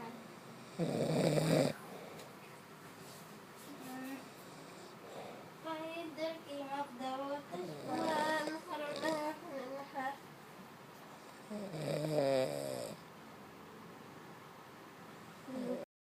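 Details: Snoring during sleep: irregular rough, rattling noises on breathing in, with a steady room hum between them.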